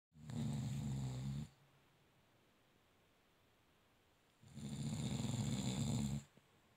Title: When you trying to record while he is snoring but he catch you 🤣😂